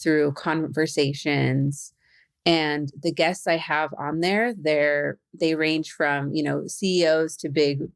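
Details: Adult woman who stutters, speaking as a facilitator and podcast host; stuttering.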